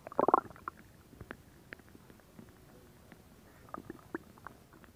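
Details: Stomach growling: a burst of gurgling at the start, then scattered soft gurgles and pops; ordinary bowel sounds (borborygmi).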